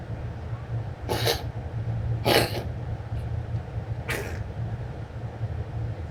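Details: Cat coughing, recorded 08/28/2015: three short, harsh expulsive bursts over a steady low background hum.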